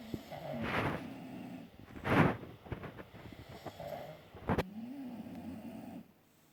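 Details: Sleeping bulldog snoring loudly, with rattling snores, snorting inhalations and low droning tones between them; snoring.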